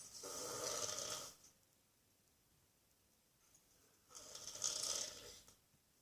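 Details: An old man asleep on Christmas day, two long, harsh, hissing snoring breaths about three seconds apart, separated by quiet pauses: snoring during sleep.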